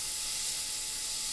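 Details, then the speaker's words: Wet air abrasion unit (Aquacare) with a water shroud abrading relatively hard tooth enamel quickly and evenly to expose decay: a steady loud hiss of pressurized air-and-water spray. "We're going to begin now abrading with the Aquacare by Velapex. Notice that the enamel, which is relatively hard, does in fact abrade rather quickly and rather evenly."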